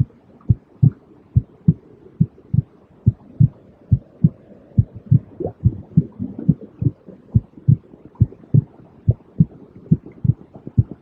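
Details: Normal heartbeat, steady low double thumps at about 70 beats a minute over soft white noise; a five-minute soothing sleep and relaxation sound for babies, children and adults.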